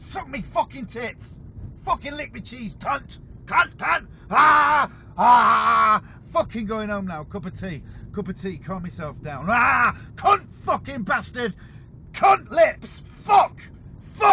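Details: Man with severe Tourette syndrome; frequent involuntary obscene words and phrases interrupt his speech. Vocal tics with coprolalia (Tourette syndrome).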